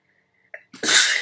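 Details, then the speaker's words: A woman who burned sage indoors and keeps sneezing: a brief in-breath followed by a single loud, explosive sneeze into her hands. "oh excuse me and I sneezed into my hands whoops luckily I'm at home"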